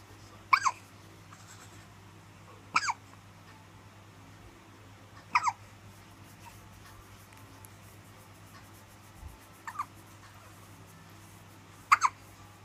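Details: A baby has short, sharp hiccups recurring every two to three seconds, five in about twelve seconds, over quiet room hum; ordinary infant hiccups.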